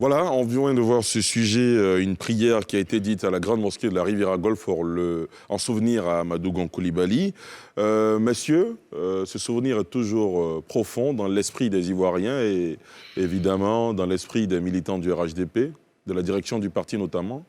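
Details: Adult male speaker; Normal voice.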